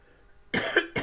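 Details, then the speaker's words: Adult teacher with a flu-like illness and a bad cough, sipping mate during a class, gives one short, harsh cough, and a second cough begins at the end. Indoor room sound. "les pido disculpas por estar tomando mate pero como estoy con mucha tos porque estoy con un estado gripal"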